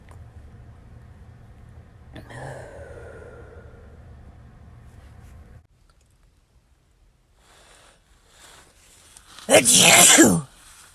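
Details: Sneeze from a compilation: quiet room noise and a soft sigh-like breath, then one loud, explosive sneeze near the end.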